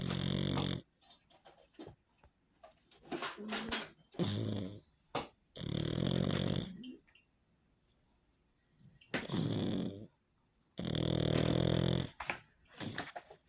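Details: Sleeping pug snoring and snorting: loud, rattling, low snores with grunting snorts, noisy breathing through a narrowed upper airway.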